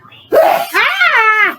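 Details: Man prone to sneezing fits: a sharp, explosive single sneeze followed by a brief voiced sound.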